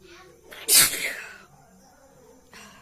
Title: Nose blowing sneezing challenge.part4